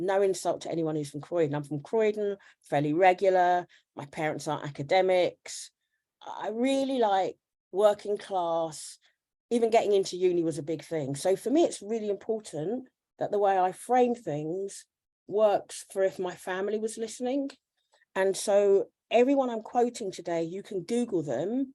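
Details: Adult woman speaking; normal speech.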